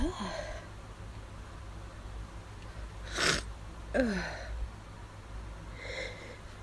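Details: Induced, stifled allergy sneezes after hours of nasal itch: soft, muffled sneezes held behind closed lips with brief catching breaths; sneezing.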